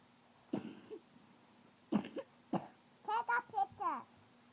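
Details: A young girl with a chronic cough gives three separate loose, wet coughs in a quiet room, then brief voicing, while her mother counts her coughs over two minutes.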